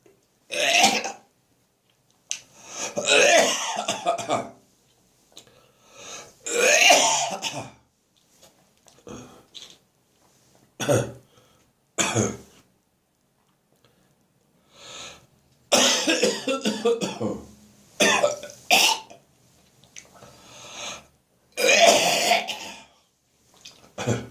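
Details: Productive cough with gagging, which went on through morning, evening and night until phlegm came up: repeated harsh, wet coughs and throat-clearing with retching and gagging sounds.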